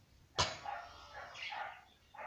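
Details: Six-year-old girl demonstrating cough etiquette: a single sharp cough burst, muffled as if into a mask, followed by a brief muffled voice.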